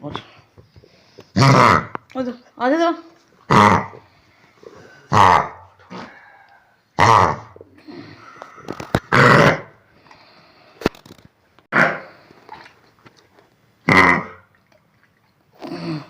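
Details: A dog with kennel cough gives repeated harsh, honking coughs with throaty gagging sounds between them.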